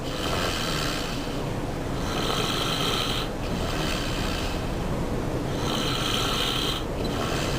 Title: Me Snoring at my friends house